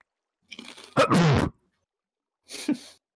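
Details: Loud sneeze: a quick intake of breath, then an explosive sneeze and a softer follow-up breath.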